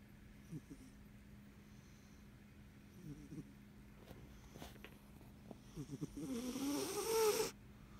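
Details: Ragdoll cat sleeping: soft, quiet snorting breaths, about 20 a minute, ending in one louder raspy snore over a steady background hum; snoring.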